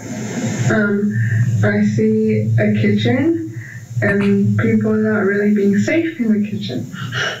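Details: Dysarthria in a speaker assessed for severity; this is the less intelligible of two utterances from the same speaker, who speaks some words normally and others unclearly.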